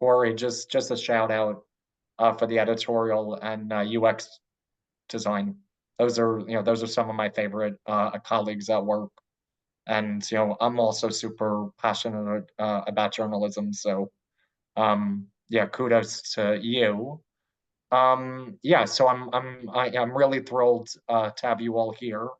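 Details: Adult man who stutters and is open about it at work; part-word repetitions and interjections are heard; stuttering.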